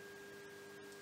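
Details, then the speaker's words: Tuning fork tone for Weber test during CN VIII examination of simulated right-sided sensorineural deafness; steady pure ringing tone, heard louder on the left, lateralizing away from the deaf ear, with Rinne normal in both ears. "so you hear more on the left side we've seen that dr. Zeinab has presented with a sensory neural deafness on the right side the ready test was positive which actually means that the ready test was normal in both the ears and the Webber test has lateralized towards the opposite side"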